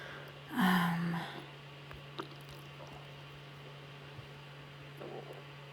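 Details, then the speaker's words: Adult with IBS and stomach pain, stomach audibly rumbling: one brief, squeaky gurgle over a steady electrical hum, borborygmi picked up by the microphone. "You can hear my stomach. Sorry about that, yeah. Bloody hell, my microphone's good, isn't it? Rumbling and gurgling. It always gurgles."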